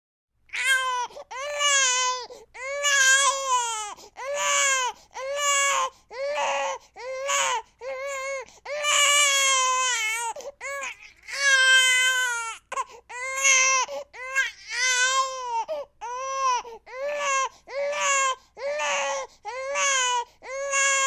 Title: Newborn Baby Cry Sound Effect